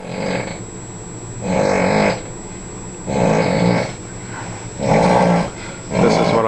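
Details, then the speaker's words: Adult friend on a boat cruise snoring; loud, rough, rattling snores repeating in a steady rhythm during sleep, with a quiet hiss between them. "yes folks it's probably hard to believe that i've had to put up with that for the last three nights and i'll have to put up that for the next four nights"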